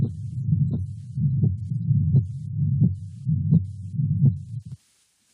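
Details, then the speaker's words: Mitral regurgitation at the cardiac apex, fifth intercostal space, midclavicular line: regular heartbeat near 85 a minute with a holosystolic (pansystolic) murmur of constant intensity filling the gap after each first sound. "it's a holoc systolic murmur sometimes called a pan systolic murmur you'll notice that the intensity of the murmur is constant throughout Cy"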